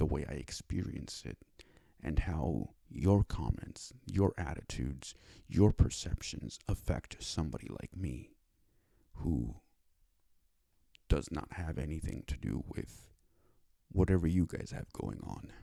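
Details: Speech disability in cerebral palsy (dysarthria) in a male; it took five years to obtain speech therapy.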